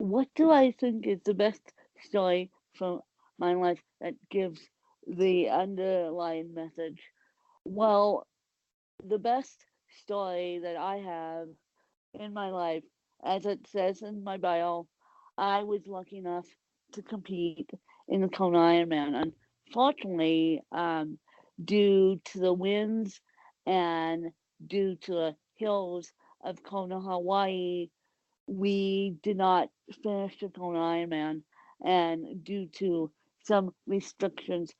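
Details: Adult woman with cerebral palsy; the specific speech difference is not named; dysarthric speech in cerebral palsy.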